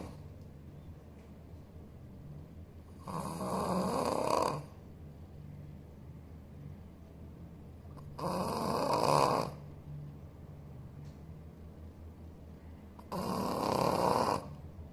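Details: Shih Tzu dog snoring while asleep: three loud, rough snoring breaths about every five seconds, roughly 12 a minute, with quiet pauses between.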